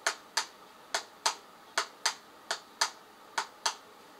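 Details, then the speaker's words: Imitated second heart sound (S2), to be heard at the second intercostal space on either side of the sternum: sharp paired taps, about 85 a minute; S2 is aortic and pulmonary valve closure. "c'est comme ça que vous allez écouter le deuxième bruit du coeur"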